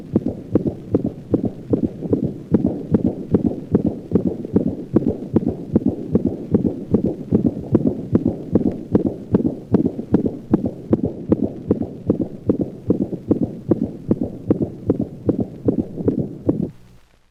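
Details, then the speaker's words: Dog with aortic insufficiency, played at slow speed then increased to normal rate: normal first and second sounds, with a high-frequency decrescendo diastolic murmur beginning at the second sound and rushing after each beat. "the murmur characteristically diminishes in intensity after its onset and is called a decrescendo diastolic murmur notice how the normal heart sound pattern is disrupted by this high-frequency diastolic murmur"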